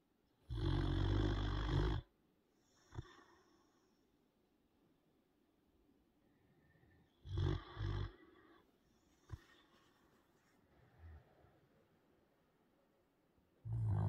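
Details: Light snoring in sleeping puppies: short rumbling snores on breathing in, with quiet pauses and small snuffles between.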